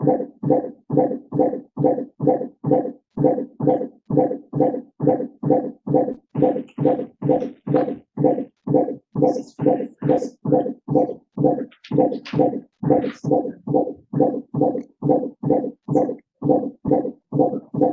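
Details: Intrapartum intermittent auscultation by Doppler in labour: rapid, regular fetal heartbeats, slower at first and recovering to a baseline of 158 per minute, a deceleration that recovered over the first 20 seconds.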